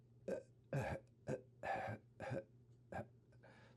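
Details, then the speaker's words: Imitated by a clinician: breath out broken into a series of short, separate voiced puffs instead of one smooth exhalation; segmented expiration in respiratory laryngeal dystonia, atypical spasmodic dysphonia, mimicking asthma. "I breathe in and then when I want to breathe out it goes out in little pieces."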